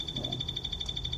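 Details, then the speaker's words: Steady high-pitched pulsing tone from an EMG biofeedback device, sounding while the patient contracts the muscle maximally above the set threshold (around 200–300), used to motivate stronger contraction; EMG biofeedback tone. "kita bisa melihat dari kemampuan masing-masingi otot unuk kontrak ah suaranya kecang banget berisik"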